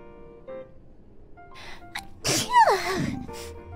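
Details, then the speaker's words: A VTuber's unheld, genuine sneeze during a Minecraft stream: quick intake of breath, then one high-pitched voiced sneeze with falling squeal over soft background music; she usually holds sneezes in for petite ones. Single sneeze. "I didn't hold it in so it was a genuine sneeze usually I try to hold it in so I have like those cute petite sneezes"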